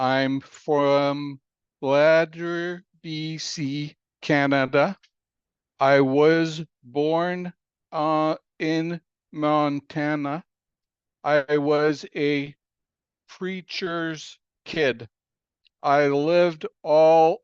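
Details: Aphasia in an adult man following a stroke in April 2019 that came after a cardiac arrest; aphasia.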